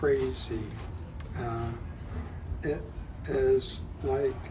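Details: Adult speaker; aphasia.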